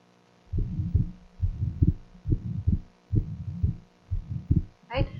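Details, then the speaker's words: Paediatric teaching recording of atrial septal defect, played at slow speed: first heart sound, then a soft ejection systolic murmur from increased flow across the right ventricular outflow tract, and an audible split second heart sound, fixed splitting not clearly discernible. "You hear the ejection, first heart sound, ejection systolic murmur, and the fixed, you can't say fixed or not, but the splitting you can hear."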